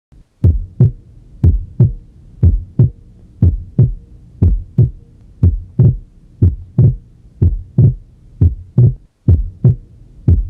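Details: Physiological splitting of the second heart sound (S2) heard at the pulmonic area on inspiration, single S2 on expiration: regular lub-dub heart sounds at about 60 a minute, with the second sound splitting on breathing in.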